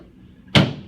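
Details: Single sharp crack over quiet room noise: joint cavitation during a chiropractic lumbar adjustment of an adult man on a drop table, delivered between the L5 and L3 adjustments after sacrum and SI-joint adjustments.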